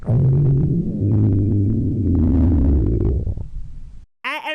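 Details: Stomach growling (borborygmi) from a blooper reel: a low, gurgling rumble with wavering pitch lasting about four seconds, then a brief tonal sound cuts in.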